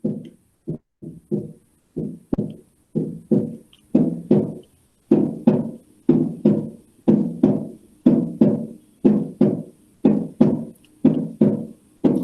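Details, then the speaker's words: Teaching recording from a congenital heart disease lecture: steady heart sounds near 60 a minute, with the first heart sound (mitral and tricuspid closure) split into two close components; the split may be physiological. "Este ruido puede estar desdoblado, puede ser fisiológico."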